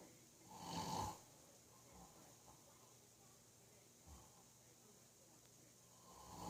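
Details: Father snoring during sleep: a loud, rough, rattling snore on breathing in, followed by quieter breathing in a still room.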